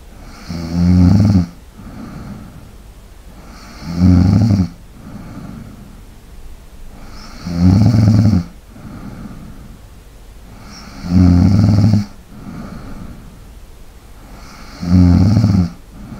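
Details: Snoring recorded for ASMR relaxation: loud, low rattling snores about every 3.5 seconds, roughly 17 per minute, with quiet light breathing between.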